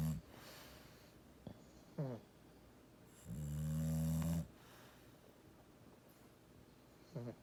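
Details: Snoring: low rumbling snores recurring irregularly over a few breaths, one long loud snore plus several brief snorts, over quiet room noise.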